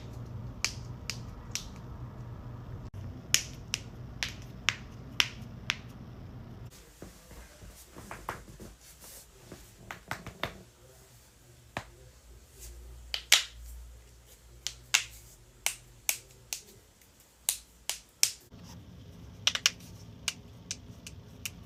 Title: cracking joints